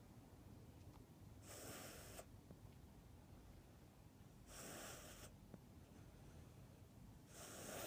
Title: cat snores